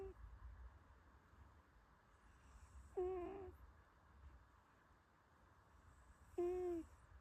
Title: 코골이 냥! #냥이#코골이#수면#고양이